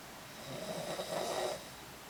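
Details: A person snoring: one rough, fluttering snore on a slow in-breath against quiet room noise; ordinary snoring.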